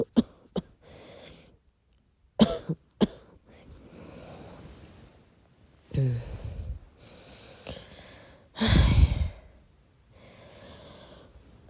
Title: midnight soft cough